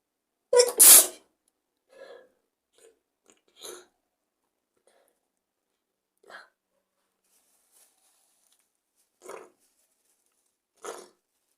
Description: I'm still sick but I'm getting better! still very congested too so I tried to induce some sneezes to help!